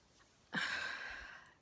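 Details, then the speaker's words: Person with the hiccups: one abrupt, sharp catch of breath, a brief gulping onset, then a soft rush of air fading over about a second, a single hiccup. "was a hiccup I have the hiccups and I want to share the cure"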